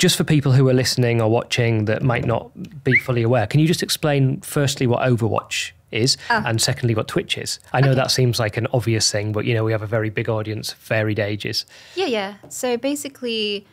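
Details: Adult male speaker; Normal speech.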